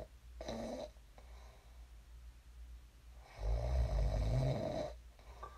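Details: Low rumbling snores on breathing in during sleep, one short and one long, with quiet breathing between; sleep snoring.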